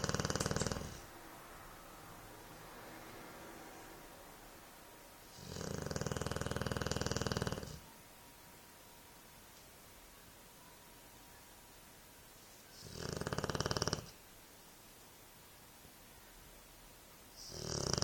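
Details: Loud, rattling snores in slow cycles, about four in eighteen seconds, each lasting one to two seconds, with quiet breathing between; snoring.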